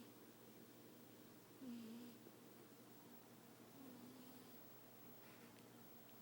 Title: 58 seconds of my cat snoring